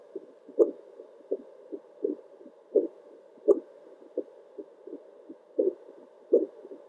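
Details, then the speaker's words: Adult's own normal heartbeat via Doppler heart monitor, steady consistent whooshing pulses at about 80 beats a minute over constant static hiss. "my heartbeat is definitely pretty consistent 80 beats per minute"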